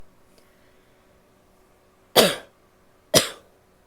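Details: Female barking cough, likely deliberate: two sharp, harsh single coughs about a second apart with a somewhat barky quality.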